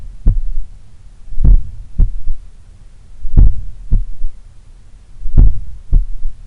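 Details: Slow, powerful heartbeat about 60 per minute recorded at the apex in the morning while lying on the left side; soft low extra thud after the second sound, third heart sound (S3), attributed to blood recoil or a slightly larger, supple left ventricle.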